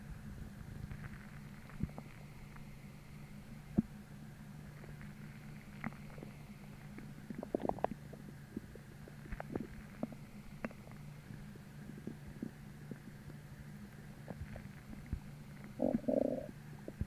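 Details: Stomach growling the morning after a heavy, bloating dinner, starting about twenty minutes after a sudden deep, achy, empty feeling: soft intermittent gurgles and squeaks over a low hum, louder gurgle near end; hunger borborygmi.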